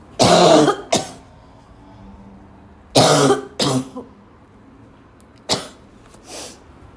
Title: barking cough again and again…